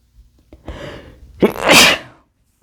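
A single sneeze from an adult man: a short indrawn breath, then a sharp explosive burst of air through the nose and mouth.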